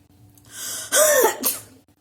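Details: During a deliberate sneezing and nose-blowing challenge, with a runny nose afterwards, a single harsh cough burst with a throat-clearing quality is preceded by a breath; a plain cough.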